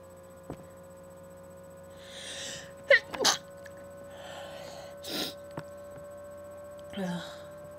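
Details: Person with an allergy flare stifling a sneeze to avoid waking a sleeping roommate: quick breath in, then a soft, suppressed ordinary sneeze in a quiet room.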